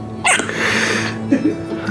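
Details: Newborn girl, 12 hours old, with hiccups: a single sharp, high, squeaky hiccup like a squeak toy, then softer chirps over steady background music or hum.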